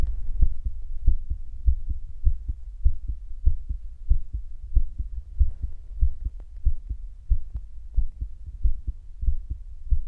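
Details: Own heartbeat recorded for ASMR, described as unexpectedly fast; steady paired low thumps at about 90 beats a minute, an ordinary adult heartbeat.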